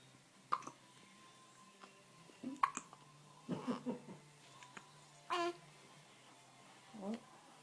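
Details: Little one with big hiccups: several short, abrupt, voiced catches at irregular intervals in a quiet room, some with a soft vocal squeak.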